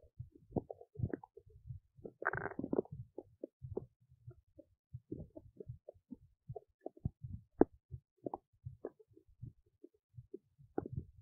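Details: Belly noises recorded while digesting oats: soft irregular gurgles, pops and short rumbles, ordinary digestive bowel sounds.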